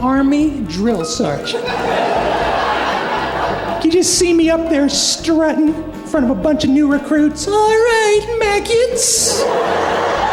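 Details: Adult man with a persistently high-pitched voice, untreated by choice; mutational falsetto (puberphonia).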